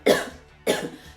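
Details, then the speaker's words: Two short, sharp, deliberately acted cough bursts about half a second apart from an adult woman, demonstrating a "bad cough"; cough. "So sorry, I've got a bad cough."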